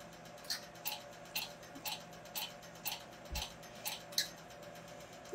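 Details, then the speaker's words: Q-switched laser tattoo removal: crisp ticking pops about twice a second over a faint room hum as the ink is absorbed and disappears; the patient reports mild pain. "you see there was a pop and it worked well disappeared"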